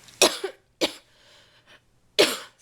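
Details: Adult still sick with a cold-like illness and a doctor-diagnosed left ear infection: three short, harsh cough bursts with brief pauses between them.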